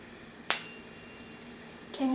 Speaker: now I'm going to move on to the Rena test I'm going to to come on your side going to put the tuning fork on the mastoid tip behind your ear